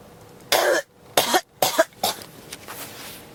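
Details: Persistent cough that won't stop: four harsh, rapid coughs in a short run, the last trailing off.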